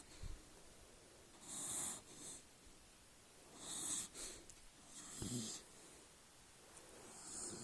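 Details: A dog sleeping on his back snores softly: airy, hissing, whistling snores repeating about every two seconds over low room noise.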